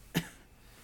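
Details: Cough: a single short, dry cough in a quiet room from a speaker who says they are battling a cough while recording.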